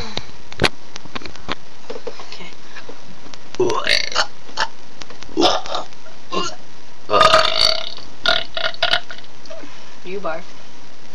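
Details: Deliberate burping conversation between two people: a series of voiced burps shaped into words, with short pauses between them.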